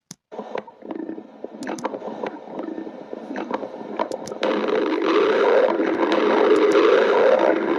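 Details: Irregular gurgling pops and bubbling, then a sustained louder rumbling gurgle: stomach growling (borborygmi), normal gut sounds.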